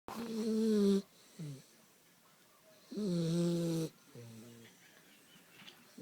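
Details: Dog snoring: loud, drawn-out, vibrating breaths in with softer breaths out, about 20 breaths a minute.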